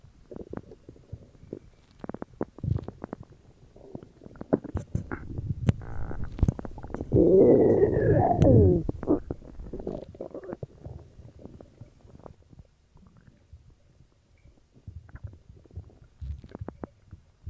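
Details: Own abdomen recorded for ASMR after drinking cola: gurgling, rumbling sounds with irregular pops and a loud churning stretch midway, ordinary stomach growling (borborygmi).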